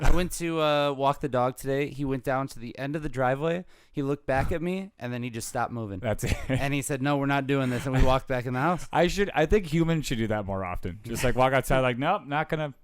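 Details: Adult male speaker; typical speech.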